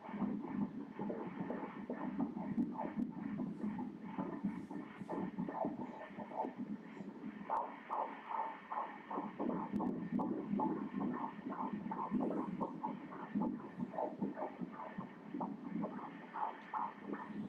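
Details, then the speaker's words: Fetal heart at 17 weeks of pregnancy, heard by Doppler during an ultrasound with the baby lying prone: rapid, regular whooshing pulses at 149 beats per minute, a very rhythmic, normal heart. "coração bem rítmico 149 batimentos por minuto"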